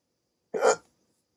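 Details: Adult sleep apnea patient on CPAP, rare 16-minute hiccup attack after waking from sleep with the mask: one abrupt, short, voiced gulp in silence; a single hiccup.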